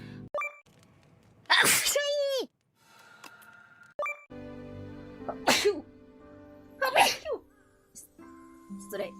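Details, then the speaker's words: Repeated adult sneezes: several sharp, explosive sneezes with a voiced trailing tone and short pauses, over light music and chime-like sounds. "I need to sneeze. I'm about to sneeze."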